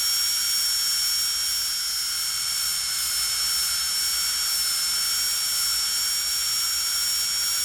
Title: Authentic Dentist Drill Sound Effects | Precision Start, Continuous Run, and Gradual Stop